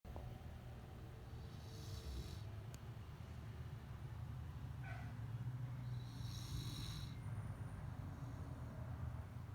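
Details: Almost one-year-old wolfhound snoring in sleep: a steady, low, rumbling snore rising slightly midway, with faint high background sounds.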